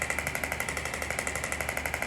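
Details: Radial shockwave applicator moved up and down the forearm and over the median nerve for carpal tunnel treatment, settings around 12: fast, regular tapping pulses, about twelve a second, with a sharp metallic ring.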